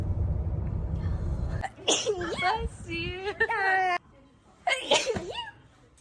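A sharp explosive burst after a noisy start, then a voiced trailing sound, and a second burst: sneezes.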